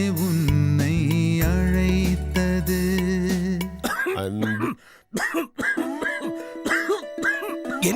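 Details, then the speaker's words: Acted coughing in a Tamil cough syrup TV commercial: adult man's few short, harsh coughs as singing gives way, music continuing behind. "Brother என்ன செய்றீங்க? இருமிட்டீங்களே. என்ன?"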